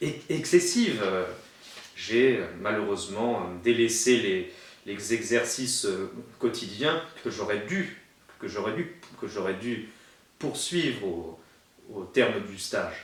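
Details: Adult male who has a stutter and attended a stuttering therapy course in 2005; stuttering.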